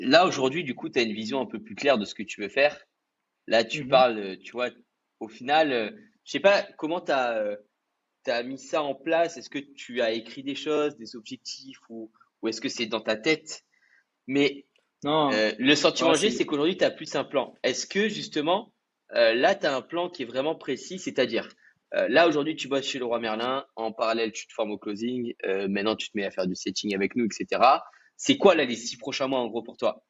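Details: Adult male speaker; normal speech.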